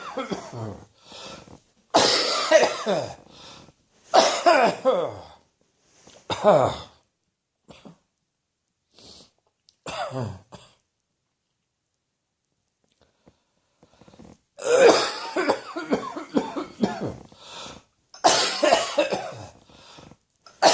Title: More Allergy Coughing